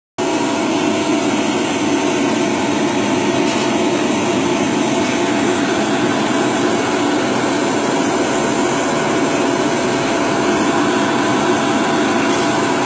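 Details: Baby Vac nasal aspirator attached to a household vacuum cleaner, used to clear a one-year-old child's nose: a steady loud vacuum roar with an even whine throughout.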